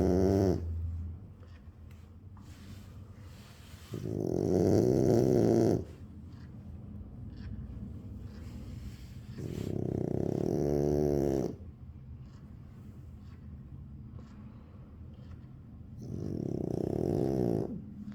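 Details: Low, rumbling, buzzy snores on each breath, roughly five to six seconds apart, from a sleeping dog in a quiet room: ordinary heavy snoring.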